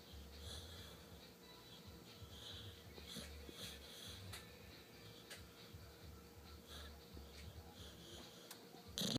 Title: Pitbull snoring! Cutest thing ever!